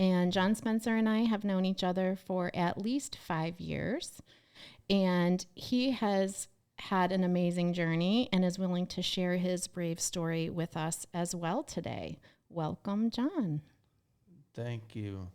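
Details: Adult woman speaking, brief reply from a second speaker; normal speech.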